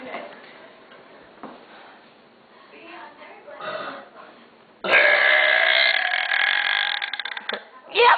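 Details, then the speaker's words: Female burping, back to normal after earlier burps with some difficulty: quiet talk and room noise, then one long, loud, rumbling belch lasting about three seconds. "so that last video kinda was having a little bit of difficulties with her burps they weren't too normal but they're back to normal now"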